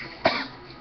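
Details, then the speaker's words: A single sharp, harsh cough burst from an adult man, who says he was just choking, followed by quiet room noise; recorded on an Android phone. "I was just choking like a [ __ ] dog I ain't ashamed to say it that's what that good [ __ ] do to you"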